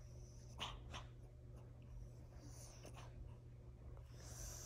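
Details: Sleeping dog Marley snoring: faint snorting, snoring breaths with steady low room hum behind them.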